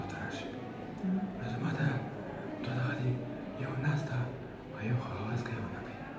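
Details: Dysphonia from unilateral vocal cord palsy, recorded before speech therapy.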